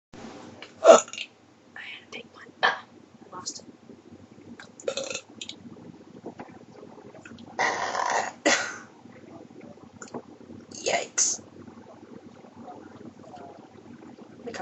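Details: Woman with major hiccups, starting with burps, self-described as painful: repeated short, sharp gulping hiccup sounds with soft whispering between them.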